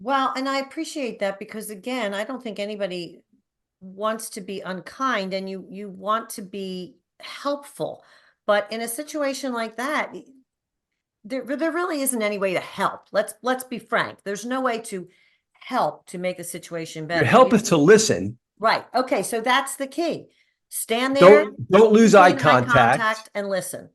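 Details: Adult speaker; conversational speech.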